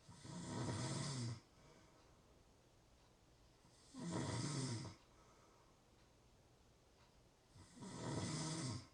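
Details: Real, not simulated, snoring during sleep: three rasping snores at about 16 a minute, each about a second long, over steady room hiss; ordinary snoring.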